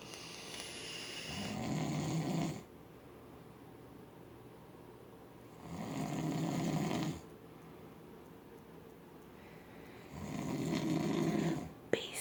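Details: Adult husband described as a deep sleeper, snoring: three deep, steady, buzzing snores separated by quiet pauses, about 14 breaths a minute; regular snoring in deep sleep.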